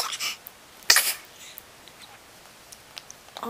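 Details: 5-week-old baby boy sneezing, who also yawns and hiccups: a single brief, sharp hissing small sneeze amid quiet room noise.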